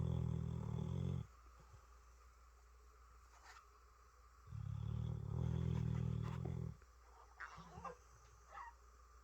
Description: Chester the dog snoring